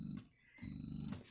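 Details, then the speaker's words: Spectra S2 Plus electric breast pump on its lowest let-down setting: a quiet, barely audible low motor hum in two rhythmic pulses with short pauses; electric breast pump running. "I also liked how quiet it is if I turn it on this is the lowest setting that you would use before your let down so you can hear just barely humming there"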